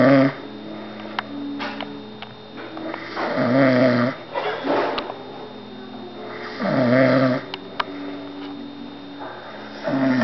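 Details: Person who falls asleep as usual while visiting someone's house, snoring: rough, rattling snores roughly every three seconds, with a low tonal hum in the background; snoring.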